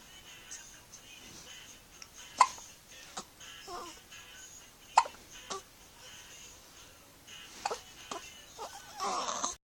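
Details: A 2-week-old baby boy struggling to sleep gives repeated brief, abrupt hiccups, several in a few seconds, over soft background music and small baby noises; hiccups.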